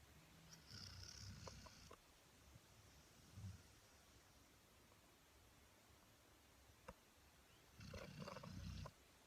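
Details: Sleeping dog snoring: low, rumbling snores with hissing breath noise, rising every few seconds over steady background noise.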